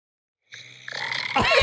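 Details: Adult man recorded overnight by his partner while asleep: one loud, rough snorting snore rising to a harsh rattling burst, likened to an orc; listeners joke about sleep apnea; heavy snort-like snoring.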